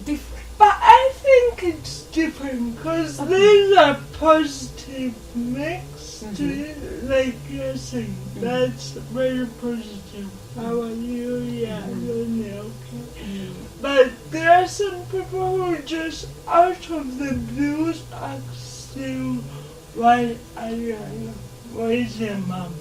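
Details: 26-year-old woman with lifelong cerebral palsy, speech affected enough that people often find her hard to understand; dysarthria (cerebral palsy).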